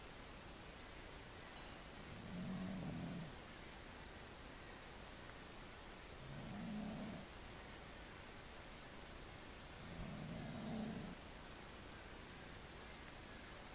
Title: snoring, at beautiful Pine Point, Lake Cowichan, BC